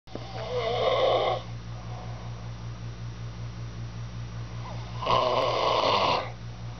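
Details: Man snoring: two long, loud, buzzy snores over a steady low mechanical hum in the room.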